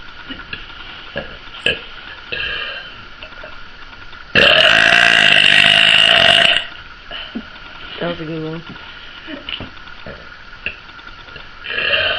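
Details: Loud, drawn-out belch lasting about two seconds from a brunette woman, over room noise and soft talk; burping.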